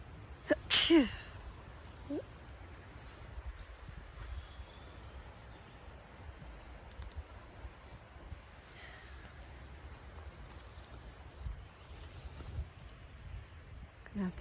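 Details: One loud sneeze outdoors on a cold lake hike, then quiet wind and faint background sounds; the person has been sneezing all day with itchy eyes, suspecting spring bloom; sneeze.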